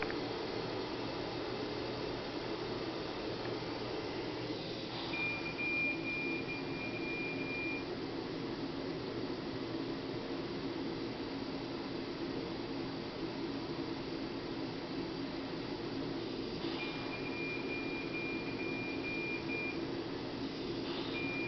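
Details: Neonatal mechanical ventilator in SIPPV mode, supporting every breath attempt by the baby: steady machine hum and room noise with brief high tonal beeps.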